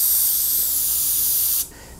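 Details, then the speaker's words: Low-volume (slow-speed) dental suction with bendable tip, used during teeth cleaning to gently remove saliva: steady soft hiss that stops abruptly. "is the slow speed suction also called low volume suction this is the typical one that's used when you're getting your teeth clean comes with a little bendy tip on top so it could be bent hether whatever shape the dentists or the hygienist needs turn it on and it just gently sucks up your v as you get you take clean"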